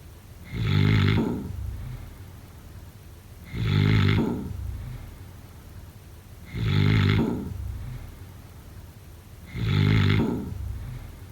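Regular deep rattling snores about every three seconds, roughly 20 a minute, with quiet breathing between.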